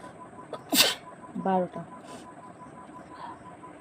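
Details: Self-induced sneeze from a woman tickling her nose with a twisted saree end in a nose-sneezing challenge; one loud sneeze after a quick breath, then a brief spoken count and faint room noise.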